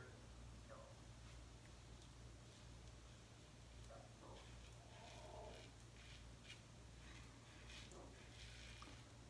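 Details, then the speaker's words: Adult stomach growling from hunger around 8 a.m. before breakfast, recorded during a shave: faint gurgling rumbles over steady room hum and razor scraping; borborygmi. "so that's what you're hearing is a little bit of stomach growling there so i apologize for that noise"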